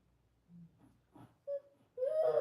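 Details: Nonverbal vocalization from an 8-year-old girl with cerebral palsy who is nonverbal and non-mobile.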